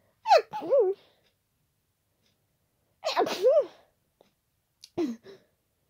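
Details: Three loud, forceful, very wet sneezes with a sharp inward breath before each, described as unstifled and tickly; sneezing during an ongoing common cold.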